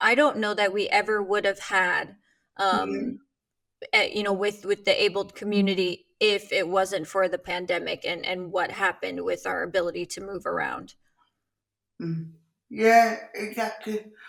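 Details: Adult woman speaking; typical speech.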